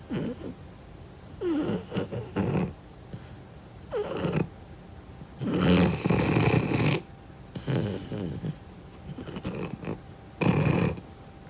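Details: Beagle dog with suspected sleep apnea, loud rough rattling snores on each breath in and out, about six breath cycles with quiet pauses, heavy snoring while asleep; owner says he snores occasionally.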